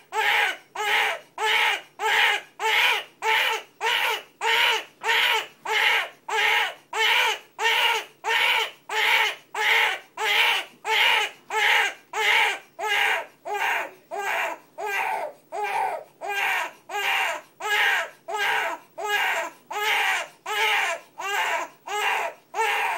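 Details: Infant with an unusual cry that is hard to even call crying: short, very regular rhythmic bursts, about 94 a minute, giving a pulsing sound.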